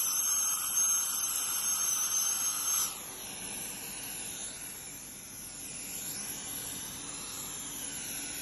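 High-pitched whine and hiss of an ultrasonic dental scaler, louder at first, then softer with water spray noise; routine deep cleaning.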